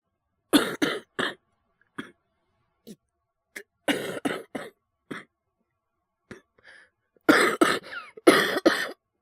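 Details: Young man, a Japanese VTuber, coughing with influenza during a stream: repeated harsh coughs in short bursts with pauses between, in a quiet room.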